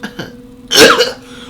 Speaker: coughing in public and trying to be quiet like